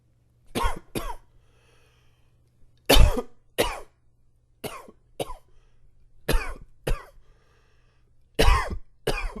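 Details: An adult with flared-up allergies coughs about ten times in quick pairs, with short pauses between each double cough.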